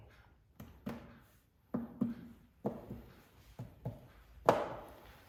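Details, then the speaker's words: Finger percussion of the back in a physical-exam demonstration, comparing right and left: about eight low, hollow, quickly fading taps, a resonant (sonor) note, the normal finding; hyperresonance would suggest other conditions such as COPD or emphysema. "Kita bandingkan antara kanan dan kiri. Dan biasanya berbunyi sonor ya, namun apabila ada hipersonor itu ada indikasi lain."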